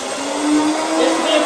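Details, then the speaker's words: Continuous whirring motor hum with airy rushing noise: a podiatry drill spinning a sanding disc to smooth skin after scalpel debridement, with built-in dust vacuum, shown as a podiatrist's equipment demonstration. "you smooth it down with a drill and a sanding disk so it's a little bit like being in a workshop and having sandpaper spinning very very fast on the end of this drill so"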